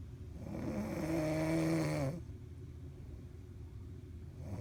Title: Me snoring it up on the cruise! I was tired